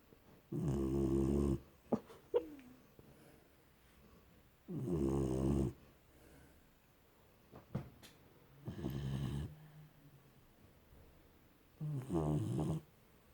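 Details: Four loud, rattling snores about every three to four seconds, roughly 16 breaths a minute, with quiet breathing between: snoring.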